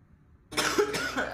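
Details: Short harsh cough bursts after silence, faint room noise, from a young woman coughing; ordinary irritant cough.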